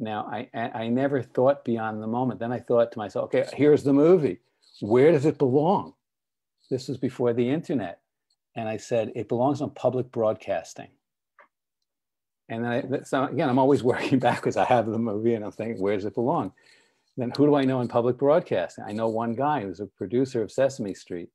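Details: Adult man speaking; ordinary speech.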